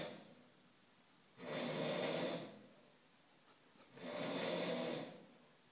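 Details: Person snoring: two long rasping snores about two and a half seconds apart with quiet pauses; ordinary snoring.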